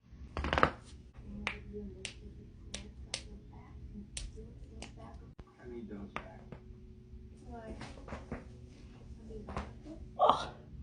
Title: cracking joints